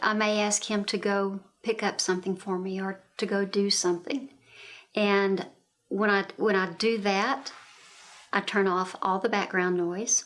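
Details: Adult woman speaking; normal speech.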